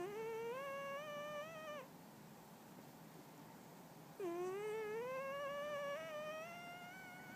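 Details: Chinchilla silver cat snoring while asleep, sounding like a rising musical scale; snoring.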